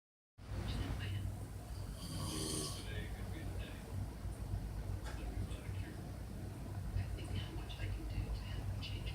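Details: Sleepy cat kept awake by steady, low, rumbling ordinary snoring with a brief higher-pitched sound partway through.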